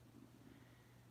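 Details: Adult's stomach growling loudly, a low gurgling rumble: borborygmi.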